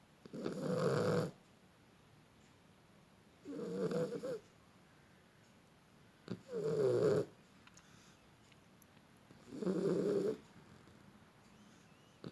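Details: Beagle asleep snoring: four loud, rough snoring breaths in about twelve seconds, roughly 20 a minute, with quiet pauses between them.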